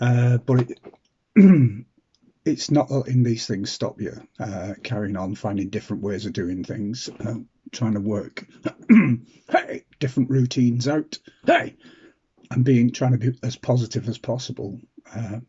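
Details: Adult man with lifelong Tourette syndrome (vocal and motor tics) and essential tremor diagnosed at 15, which sometimes affects his voice; interjected 'hey' appears to be a vocal tic; vocal tics (Tourette syndrome).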